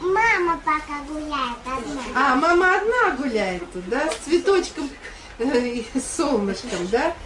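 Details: Young girl; child speech.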